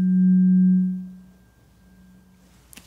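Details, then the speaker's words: Tuning fork struck for a simulated ASMR cranial nerve exam hearing test, right ear first: a pure low hum fading over about a second, checking for hearing damage or loss. "i've got a couple tuning forks just really briefly want to test and see if you can hear these certain frequencies it might be an indicator of hearing damage or subsequent loss of hearing"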